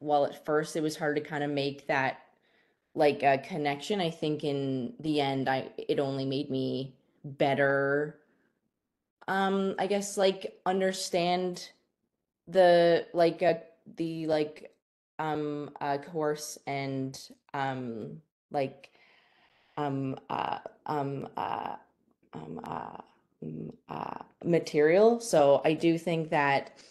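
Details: Stuttering in a female university student who describes herself as someone with a stutter, speaking live.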